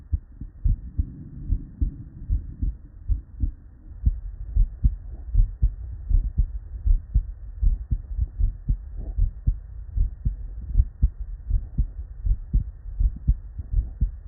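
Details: Real, unedited bedside human auscultation recording from a patient with normal cardiac physiology: steady lub-dub at about 78 beats a minute, normal S1 and S2 heart sounds.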